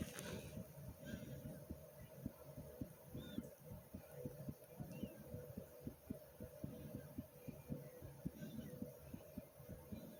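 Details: Person's own fast heartbeat with breathing: rapid, steady low thumps at about 110 a minute over soft breathing and low background hum.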